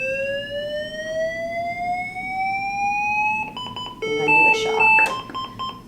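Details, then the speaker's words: LIFEPAK 12 defibrillator in synchronized cardioversion mode, lab demonstration: charge pressed after sync, producing a rising electronic charging whine, then repeated ready-to-shock beeping. "you know that you're in sync it's blinking you can press charge again"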